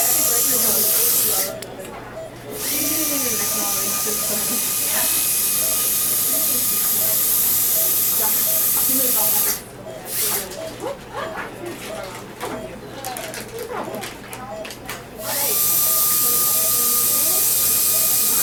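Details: Steady high-pitched whine with spraying hiss, pausing twice briefly, from an ultrasonic scaler during a routine dental cleaning of a dog under anesthesia (valium, injectable anesthetic, tracheal tube, oxygen and isoflurane).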